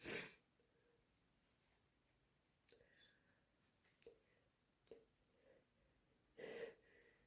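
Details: Two loud, explosive sneezes with soft sniffs and faint breathing between, from a person still sick with a cold; sneezing.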